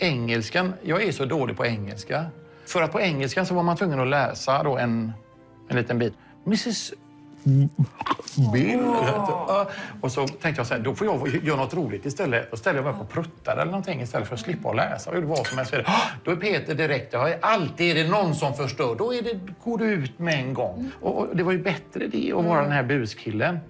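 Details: Adult male Swedish comedian who stuttered heavily since childhood and still stutters, improvising to avoid difficult words, speaking Swedish; stuttering.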